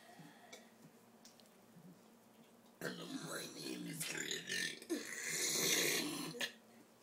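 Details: A long, loud, rumbling burp lasting a few seconds, with faint voices in the background, from someone burping their name and ABCs on request; burping.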